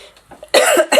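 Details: Adult clears their throat and coughs while speaking during a recorded tarot reading; cough.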